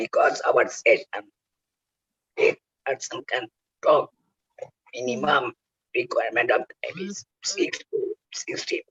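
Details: Adult male laryngectomee whose voice box was removed for cancer, using oesophageal speech by the injection method; oesophageal speech after total laryngectomy.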